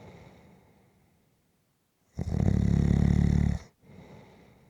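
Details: Napping person snoring: a single long, low, vibrating snore on the in-breath between soft breaths.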